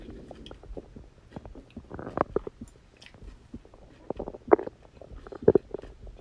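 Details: Stomach growling on a birthday after eating cake: irregular gurgles, squelches and low rumbles from the belly.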